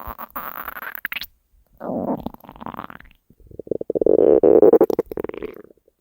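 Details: Hunger stomach growling recorded from the person's own belly: loud gurgling, rumbling growls in bursts with brief gaps; normal borborygmi.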